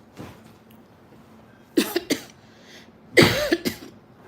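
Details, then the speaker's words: Cough from an adult woman live-streaming, whose voice is hoarse and who has a slight cough that makes talking difficult. "आज आवाज बसलाय म्हणजे खोकला झालाय थोडा त्याच्यामुळे बोलता येत नाही"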